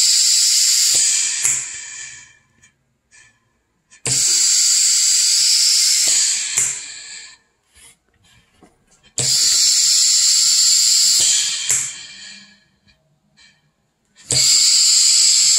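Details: Mechanical ventilator cycling from a prototype bag-squeezing emergency ventilator, SqueezeBox V1, meant to support breathing until a ventilator is available: steady cycling about 12 breaths a minute with hissing airflow and mechanical clicks.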